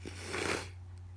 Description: I have no idea what’s going on with my nose but it tickles so much and all the sneezes are wet and powerful